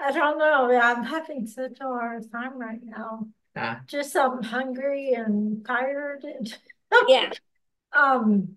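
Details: Ataxic dysarthria in an adult with ataxia who reports speech difficulty and a lot of practice on pronouncing words.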